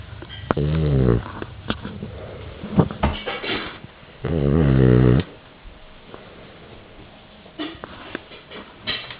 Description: Our dog snores loudly.